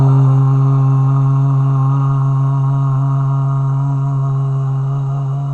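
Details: Adult man with Parkinson's disease in voice therapy for speech changes, self-described very low voice volume, holding a sustained 'ah' as long as possible without straining; hypophonia on sustained vowel (Parkinson's disease).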